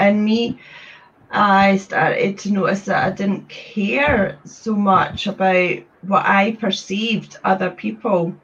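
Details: Woman from Scotland, a trustee of a stammering network since 2018, who describes having had a speech condition; stuttering.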